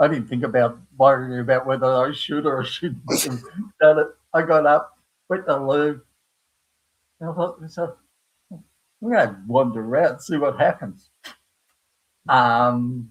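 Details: Aphasia in an adult man after a stroke at age 58 caused by a blood clot from the heart, following a severe heart attack and quadruple bypass; he knows what he wants to say but cannot find the words.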